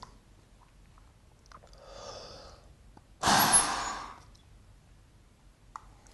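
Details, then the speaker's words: Standing adult blowing into a peak flow meter during an Oxford medical school lung function demonstration: deep breath in, tight lip seal, then one hard, fast blast out lasting about a second; forced expiration. "take a nice deep breath as before and form a nice tight seal around the tube with your lips then blow out as hard and as fast as you can like this"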